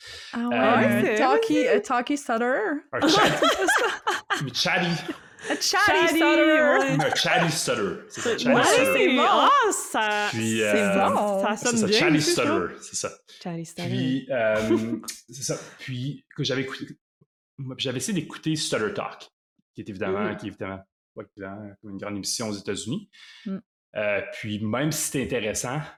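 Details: Stuttering in an adult man who lives with stuttering and calls himself a chatty stutterer, speaking French.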